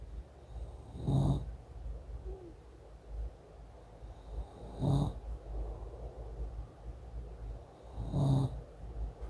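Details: Man with sleep apnea (about 70 per hour on polysomnography) using CPAP: three loud, low, rumbling breaths about every 3.5 seconds, roughly 17 a minute, over steady machine hiss. Residual snoring and heavy breathing despite CPAP.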